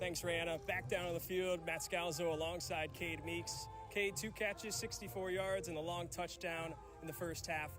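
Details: Adult male sportscaster; Normal speech.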